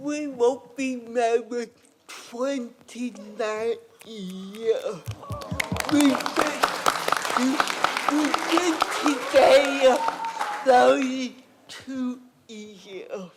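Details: Adult woman with cerebral palsy and a speech impairment; dysarthria (cerebral palsy).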